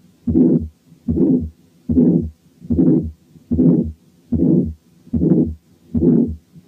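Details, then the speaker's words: Aortic stenosis: regular heartbeat about 74 a minute with a harsh rising-and-falling ejection systolic murmur after each first sound. "تعالوا نسمع أولا حالة aortic stenosis بس فيها ejection systolic murmur."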